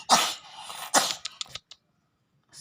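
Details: Found cat, described as Himalayan-type, with severe flu and coughing up blood: two harsh coughing bursts, then small hacking sounds, with bloody phlegm brought up; cough.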